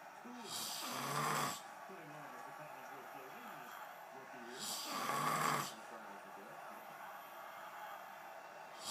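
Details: Man snoring while watching football: two loud, rough snores on the in-breath, about 15 breaths a minute, with quiet breathing between them; ordinary snoring.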